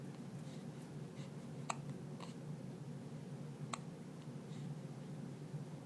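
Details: Infant hiccups: brief, sharp click-like catches about two seconds apart over a quiet room hum.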